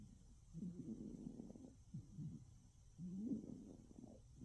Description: A cat snoring